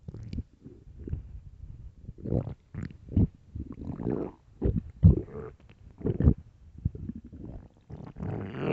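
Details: Loud, drawn-out low growls and gurgles in irregular waves from an extremely hungry, empty stomach: normal stomach growling (borborygmi).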